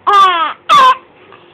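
Two short voiced wails from a baby, each under half a second, with a fussy, crying quality.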